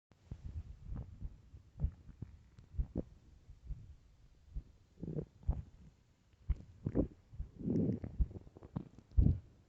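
Low gurgling rumbles and soft bubbling bursts come and go irregularly, typical of stomach growling on an empty stomach, a normal sound.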